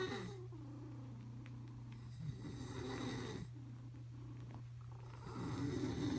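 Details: Sleeping animal snoring, compared with purring: low, fluttering snores over a steady low hum, close to a purr.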